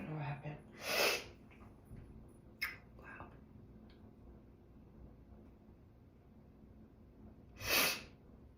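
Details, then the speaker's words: Person sneezing who feels stuffed and swollen in the face after being around a cat the day before: two loud, forceful sneezes several seconds apart in a quiet room, with faint breathy sounds between. "Sorry. I sneezed all over myself. Okay. I was gonna sneeze, but I don't know what"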